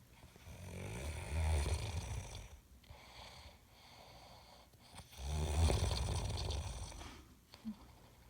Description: .... he honestly thinks he doesn't snore! So had to video tape it.